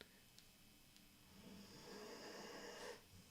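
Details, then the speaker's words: Sleeping dog snoring in the background during a live stream. "my dog is already snoring fat philosopher can you hear"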